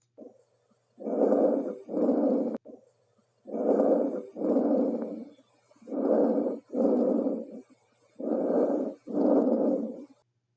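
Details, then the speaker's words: Tracheal breath sounds heard over the trachea with a stethoscope diaphragm: loud, harsh paired inspiratory and expiratory sounds with a brief gap, like air blown through a pipe. "traal breath sounds are heard over the tracha these sounds are harsh and sound like air is being blown through a pip"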